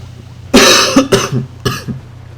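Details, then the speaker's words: Dry, unproductive cough with chest pain from so much coughing, a feeling that something wants to come out but nothing does: three harsh, dry cough bursts with no rattle of mucus. "oh my God I got like chest pain out from all this coughing and the worst part is that there's no FL I feel like there there's something that wants to come out but nothing's coming out"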